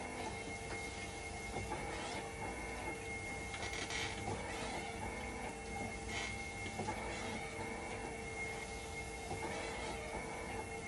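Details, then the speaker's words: Hemodialysis machine running in dialysis mode during a repair test for a "5 V and level detector always failed" fault, waiting for conductivity to stabilize: steady mechanical hum, soft regular pumping rhythm, faint clicks; conductivity slow to drop. "Papatakboy muna natin ito ng dialysis. So, ngayon, itetest ko. Pag nag-fail siya, kakalibrate ko."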